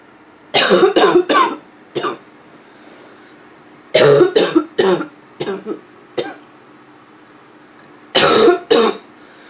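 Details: Hoarse, barking cough.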